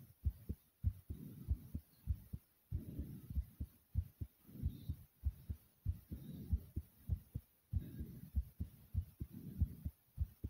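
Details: Loud, strong heartbeat with heavy breathing, a rushing breath sound between beats, after over 50 jumping jacks; forceful heartbeat after exercise.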